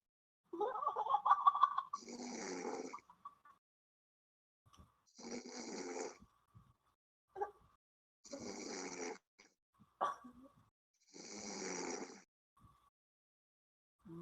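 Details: Snoring: rough, rattling breath noises recur about every three seconds with silent pauses, roughly 20 breaths a minute.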